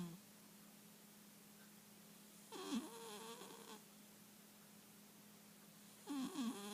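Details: Snoring from a Calico Himalayan cat.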